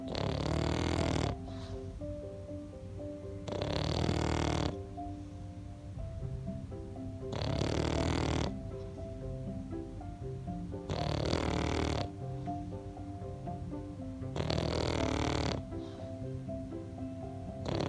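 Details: A pug napping, with loud snorting snores about every three and a half seconds over background music: noisy breathing of a flat-faced dog with a smooshed snout.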